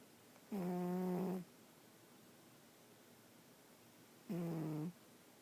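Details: Two loud, tonal, humming snores on inhalation about four seconds apart in a quiet room, from a sleeping pet cat snoring very loudly.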